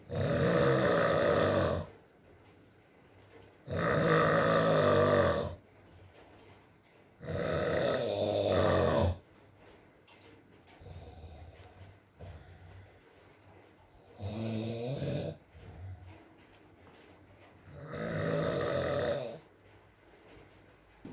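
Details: Male snoring in an ASMR sleep recording: deep, throaty, rattling snores about every three to four seconds, five in all, with soft rain-like noise behind.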